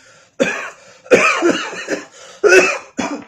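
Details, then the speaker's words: Pulmonologist imitating a child's cough: four harsh coughs with a high whistling edge, a wheezy cough from narrowing of the small airways, possibly asthma, shown for parents to recognise. "ये जो आवाज़ आती है, ये सांस की बारीक नालियों से आवाज़ पैदा होती है, सीटी की आवाज़।"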